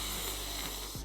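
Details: Demonstration of a lateral lisp, with air flowing around the sides of the tongue; lateral lisp.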